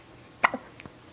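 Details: A 7-week-old baby girl on a couch gives a single sharp hiccup with a softer follow-on sound in a quiet room; ordinary hiccups.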